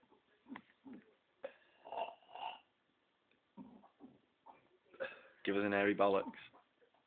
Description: My very talented housemate, showing his burping prowess !!!